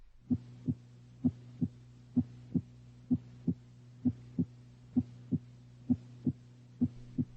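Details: Steady lub-dub heartbeat at about 66 per minute over a faint hum, heard with the stethoscope diaphragm at the apex in a teaching exam; normal heart sounds, first sound louder than second.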